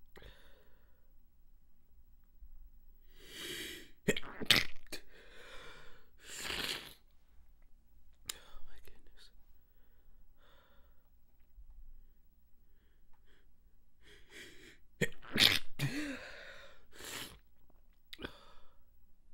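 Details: Repeated stifled sneezes with congested sinuses, a tickle returning after each sneeze: catchy breaths build to several sharp, suppressed sneezes with sniffles between, ending in a relieved exhale.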